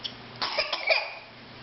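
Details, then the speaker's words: An infant, otherwise happy, gives a brief cluster of small, dry-sounding cough bursts in a quiet room; cough. "you're coughing hey easy"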